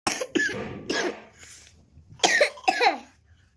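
A young child coughs in two clusters of short, harsh bursts, five coughs in all.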